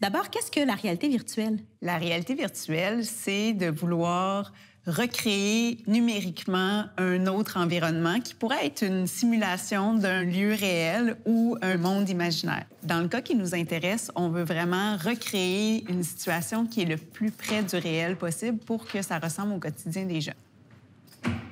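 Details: Adult woman speaking French; normal fluent speech.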